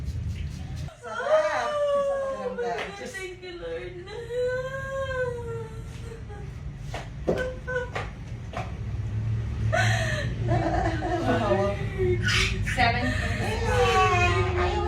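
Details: Newborn just delivered by natural vaginal birth: strong, repeated wailing cries over staff talk and room noise; a normal vigorous newborn cry.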